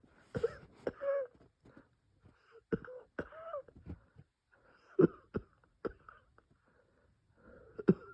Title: bronchospasm coughing chest wheezing